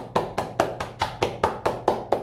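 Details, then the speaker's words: Regular hollow claps, about four a second, from cupped hands on the chest; chest clapping demonstrated to loosen sticky phlegm, done for about 4–5 minutes, suitable for kids and adults; chest percussion for airway clearance. "Chest clapping. Kailangan parang cup yung dalawang kamay ninyo. Parang naka-cup siyang ganyan."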